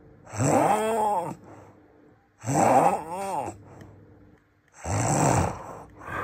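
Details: Described as the world's loudest snoring: loud, harsh snores with a rising and falling moaning tone, three in about six seconds, roughly 27 a minute, each followed by a quieter breath.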